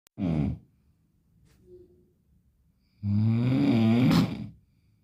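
Two loud, deep, rattling snores on the in-breath, separated by quiet pauses; heavy snoring.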